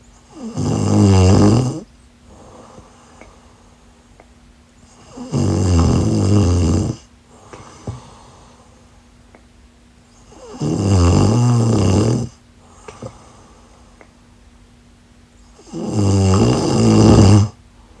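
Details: Steady snoring in sleep: four loud, low, rattling snores on the in-breath, evenly spaced with quiet out-breaths between, about 11 breaths a minute.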